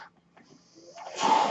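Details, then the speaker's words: A man's own ventilator heard while he records a podcast: a quiet pause, then a rising airy hiss of machine-driven airflow as the mechanical ventilator delivers a breath. "name is. That noise you hear is my ventilator."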